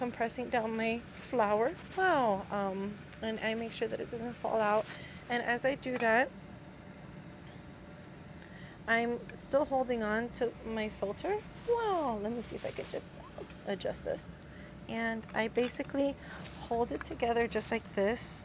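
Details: Adult woman with tics, who says she medicates to calm them; involuntary vocal tic word heard; vocal tics.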